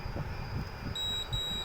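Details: Short high-pitched electronic key beep over low room noise from an AKAS RX3 syringe pump as the infusion is set to run during a demonstration.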